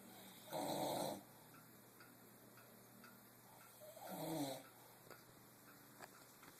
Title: I dont Snore!